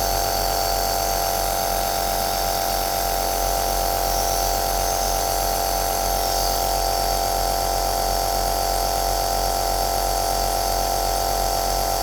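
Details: Aerosol nebulizer machine running, recorded as white noise for sleep: steady buzzing hum, continuous and unchanging, with a fine vibrating pulse throughout.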